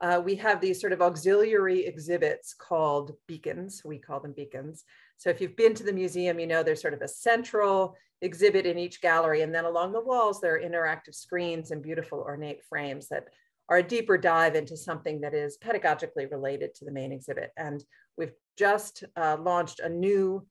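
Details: Adult woman speaking; no speech disorder.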